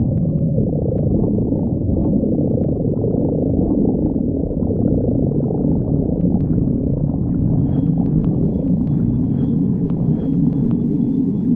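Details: Continuous low rumbling and gurgling with scattered clicks and a faint high tone late on: stomach growling (borborygmi).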